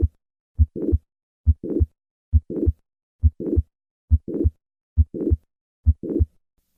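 Regular heartbeat about 68 a minute; each first sound is followed by a rising murmur building to the second sound, a crescendo late systolic murmur of mitral valve prolapse.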